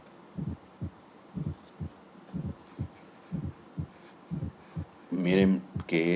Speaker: En el caso del cuarto ruido, alteraciones de la contractilidad o de la patada auricular por un trastorno en su contracción, como en el caso de la estenosis aórtica, de la hipertensión arterial,